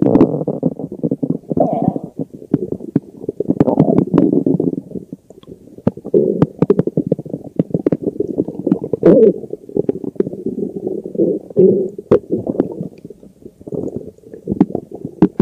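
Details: Bloated stomach growling: continuous low gurgling and rumbling from the abdomen with gas and fluid movement; borborygmi.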